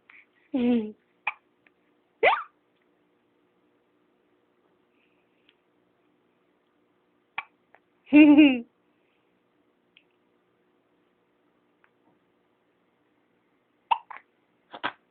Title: SUPER CUTE baby has HICCUPS!!!